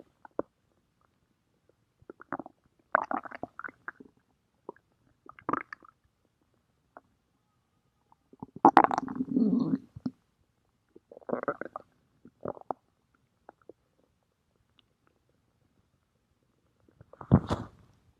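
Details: Irregular bursts of gurgling and rumbling from the belly: ordinary stomach growling from gas and fluid moving; bowel sounds (borborygmi).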